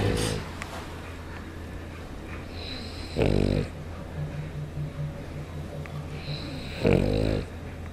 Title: Funny dog snores!